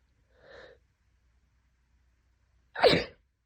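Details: A soft intake of breath followed by one forceful sneeze from a person two days into a severe head cold, unable to stop sneezing, nose burning.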